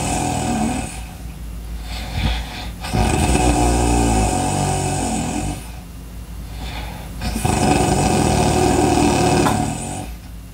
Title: Breathing Loud Sounds snoring Sounds good for studying #entertainment #viral #video